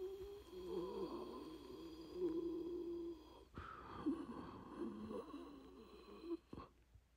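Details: Acted sound effect imitating wheezing: two long, musical, whistling breaths with a raspy, snore-like edge.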